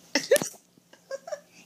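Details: The person recording hiccups while a young boy sings and recites his ABCs: sharp, abrupt voiced catches with small follow-up sounds over under two seconds; hiccups.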